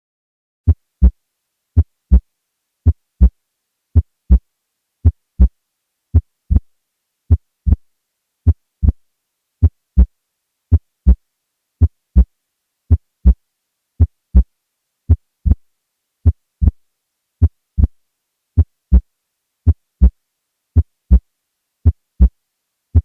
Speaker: however a P2 that is louder than A2 or one that is easily audible at the Apex is suggestive of pulmonary hypertension take a listen here